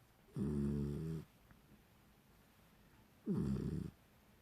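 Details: A sleeping, dreaming Beagle puppy snoring: two long, rumbling snores separated by a quiet pause.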